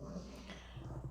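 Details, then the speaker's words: A brief, low, rumbling snort-like breath from a sleeping dog in a quiet room; the owner asks whether her dog is snoring; snoring. "What is going on? Is my dog snoring? I'm sorry if you guys can hear that."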